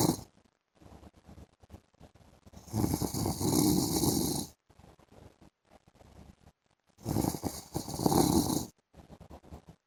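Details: Adult man (husband) snoring during an afternoon sleep: two long, loud, rattling inspiratory snores separated by quieter breathing; heavy snoring.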